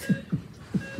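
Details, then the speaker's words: Low paired heart thumps from a patient simulator mannequin in a medical school skills lab, about 90 beats a minute, auscultated in order over the aortic, pulmonary, tricuspid and mitral areas: simulated heartbeat. "we escalating the atic valve and then W the palmary valve and then try caspit and then [Music] myol and you can hear how the heart beats can you hear that it's like"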